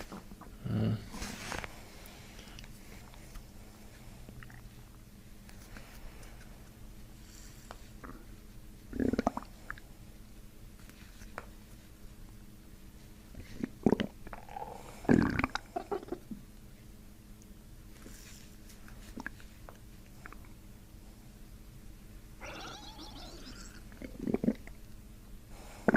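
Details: Intermittent gurgling and rumbling abdominal sounds over low room hum, released during chiropractic abdominal work a few inches above the belly button; ordinary bowel sounds, borborygmi.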